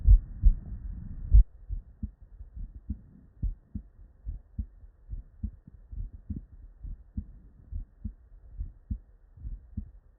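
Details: Real, unedited bedside human auscultation recording from patients with normal cardiac physiology: normal heart sounds, S1 and S2.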